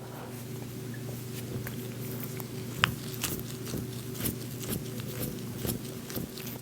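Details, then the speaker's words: Soft tissue crepitus during chiropractic instrument-assisted muscle scraping over the upper arm (biceps area): faint crunchy clicks and scratches with steady room hum, crunchier than the shoulder area. "another thing you can hear and it's usually going to be like in this bicep area is going to be like a lot of crunchiness"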